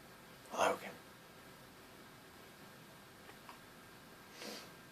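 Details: A small, quick sneeze followed by a fainter second puff of air in a quiet room: a cat sneezing.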